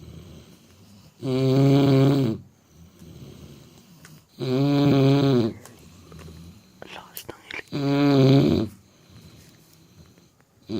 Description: My German Shepherd Snoring While Sleeping